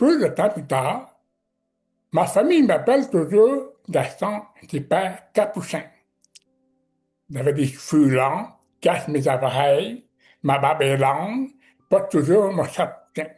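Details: Speech of a man with severe-to-profound deafness who learned to pronounce letters; deaf speech.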